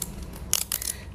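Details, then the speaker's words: Insulin pen (FlexPen) dose knob turned to set 10 units in a pharmacy education demonstration: a few sharp, quick dial clicks. "Kalau eh penyandang diabetesnya menggunakan 10 unit, berarti tinggal diputar sampai 10. Begitu."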